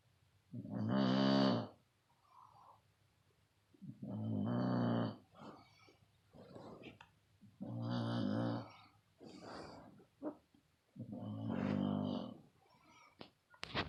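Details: Loud snoring in sleep: four loud, rattling, growl-like snores on the inward breath, about 17 a minute, with soft puffs between.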